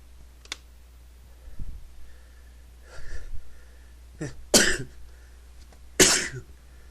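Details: Male, repeated sneezing he can't stop: soft in-breaths building up, then two sharp explosive sneezes in a quiet room.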